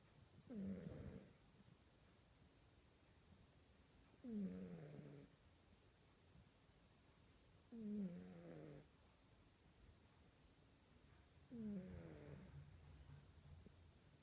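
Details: Snoring from a sleeping cat: soft, regular snores about 16 a minute, each a short rattling breath in, with quiet gaps between.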